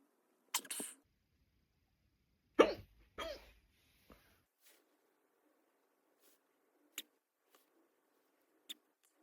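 A few abrupt, sharp gulping sounds separated by silence, matching hiccups, with faint small clicks between them.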